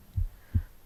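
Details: A heartbeat recorded on the left side of the chest while the person reads aloud: two soft low thumps about 0.37 seconds apart, one heartbeat's pair of sounds, an ordinary heartbeat.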